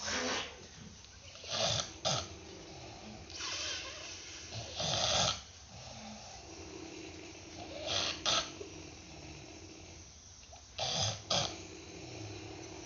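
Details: Loud, rattling snores with noisy breaths between, recurring every few seconds, from a humorous compilation of snoring types.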